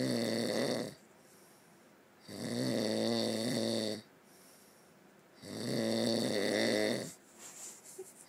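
Steady, loud, buzzing snores on each in-breath, about 20 per minute, with quiet out-breaths between them.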